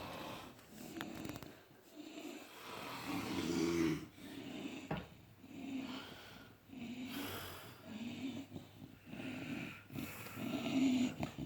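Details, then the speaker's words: Three sleepers snoring together: overlapping rattling snores with snorting breaths in a quiet room. "They're all snoring."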